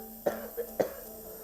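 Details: 55-year-old man with a year-long chronic cough that suddenly worsened, with breathlessness, wheezing, and chest and upper back pain, assessed by paramedics: two short sharp coughs with a softer sound between, over a faint hum.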